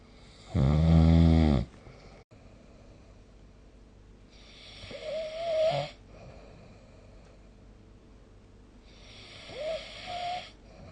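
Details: Snoring recorded with the SnoreLab app: one loud, deep rattling snore, then two softer snoring breaths with a whistling edge, in a quiet room.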